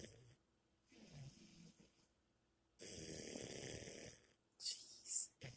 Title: Snoring chica